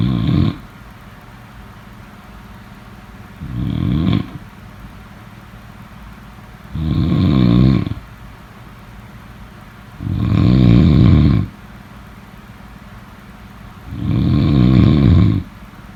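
Loud, low rattling snores come on each inward breath, about 17 a minute, with quiet pauses between.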